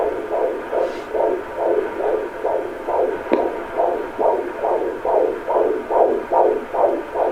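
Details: Fetal heartbeat on Doppler at a doctor's office, mother pregnant with two babies, said to be boys: rapid, regular whooshing pulses at about 140 a minute, a fetal heart rate in the normal range.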